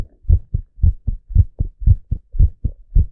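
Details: Relaxing heartbeat recording: steady, low, paired lub-dub thumps at about 58 beats a minute; a normal heartbeat.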